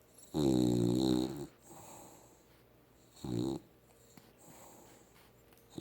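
Loud, buzzing snore on each breath with softer breaths between, from a sleeping dog; snoring.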